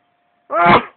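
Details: Adult feeling sneezy in the morning gives a single loud, voiced sneeze after a brief quiet moment, quickly fading; later needs to blow nose.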